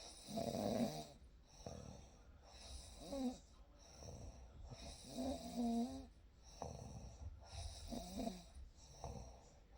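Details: Real night recording of sleep sounds with a baby: soft, rattling snores on inhalation, about 24 per minute, at low volume over a steady background hiss; gentle snoring during sleep.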